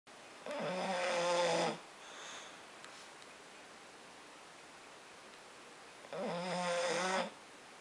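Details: British Bulldog snoring while asleep using a Boxer as a pillow, later waking: two long, rattling, wheezy snores on the in-breath about six seconds apart; loud flat-faced dog snoring.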